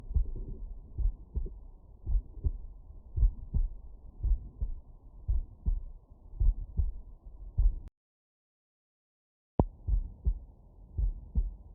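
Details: Stethoscope auscultation over the mitral area with the subject lying on the right side: steady paired lub-dub heart sounds at about 55 beats a minute; normal heart sounds.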